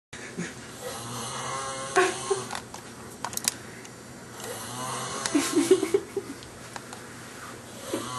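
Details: Loud snoring from a sleeping man, audible from the living room, who does not wake when a pillow is thrown at him.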